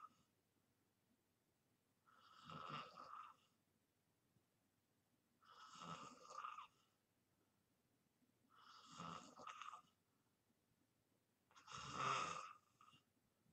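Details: Person filming themselves in deep sleep for white-noise ASMR; regular vibrating snores about every three seconds, roughly 18 a minute, in a quiet room; snoring.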